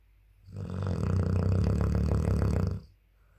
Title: 8 month old dogue de Bordeaux puppy snoring loudly 😴😴😴🙄